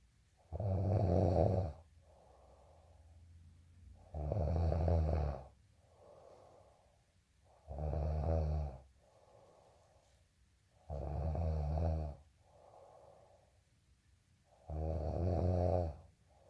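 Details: Snoring during sleep: five loud, rattling, low-pitched inhaled snores, each followed by a softer breathy exhale, about 17 breaths per minute.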